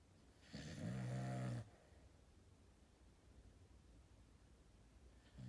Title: 1166 Sheep Wall Snoring